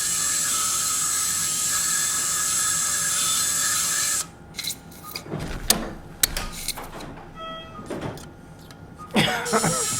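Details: Surgical drill removing residual exostosis from the inferior ear canal wall during transcanal revision tympanoplasty for severe tympanic membrane lateralization after several previous operations; steady high-pitched whine, then stops, followed by clicks and suction noises.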